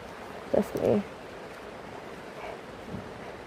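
A single sudden sneeze, a sharp intake-like burst followed by a short voiced 'choo', over steady rain noise.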